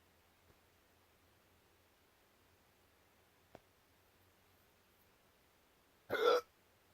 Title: Cat Reacts to my Hiccups